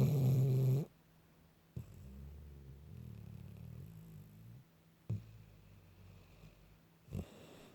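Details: Female dog lightly snoring in sleep: soft, low rumbling breaths with occasional snorts in a quiet room.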